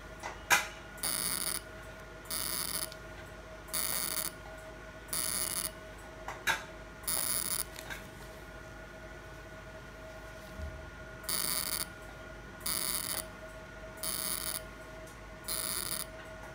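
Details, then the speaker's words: Fractional CO2 laser firing repeated hissing bursts about one second long over a steady tone, treating an accident scar on a man's hand under topical anaesthesia after mesotherapy. "now I'm going to do co2 laser and all the star area"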